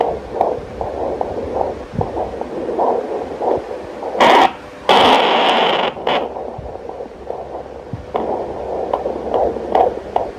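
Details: Fetal heart sounds on Doppler in a fifth-month twin pregnancy, fundal height above the navel; two separate fetal heartbeats heard at different sites.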